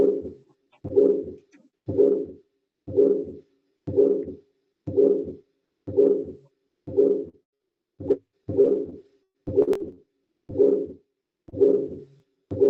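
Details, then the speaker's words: Regular whooshing sounds about 60 a minute, each following the first heart sound: a systolic murmur, played as a teaching recording. "Está perfecto, Wilfred Marcos. Está perfecto tu en este momento tu percepción del sonido porque es un soplo sistólico."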